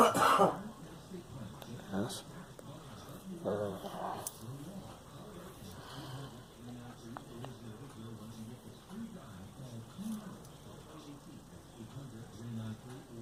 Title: Girl coughing